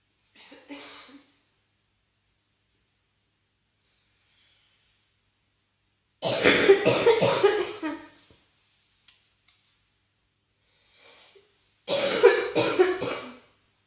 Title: 92 Seconds of Intense Bronchitis Coughing